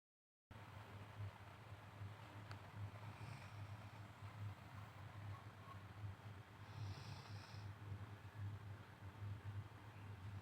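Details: Soft, low rumbling snores repeating over a steady background hum; snoring.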